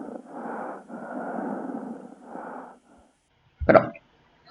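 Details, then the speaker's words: Death rattle (sororoca, terminal respiratory secretions) in a patient in the active dying phase, from lost swallowing and relaxed throat muscles: noisy, wet, gurgling breaths in three drawn-out runs, then a short sharp sound. "vocês devem ter visto que a maior parte dos profissionais que lidam com esse tipo de paciente percebe que no momento final eles têm esse som."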